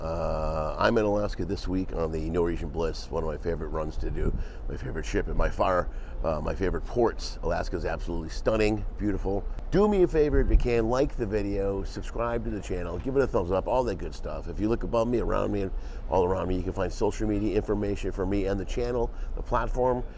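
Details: Adult man speaking; Typical speech.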